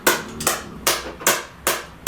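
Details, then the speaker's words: Shockwave (SoftWave) therapy pulses on a female patient's hip stress fracture around the femur head: sharp, evenly spaced snapping pulses about 2.5 per second from the handpiece, with the setting tolerable and felt intensely. "Oh, yeah. I'm feeling them. Feel that through there. So, it's all around the femur head."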